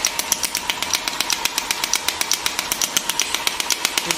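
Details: Rapid, steady sharp clicking pulses, about 160 a minute, from a GINHA HL1602 portable shockwave physiotherapy handpiece firing during a treatment demonstration.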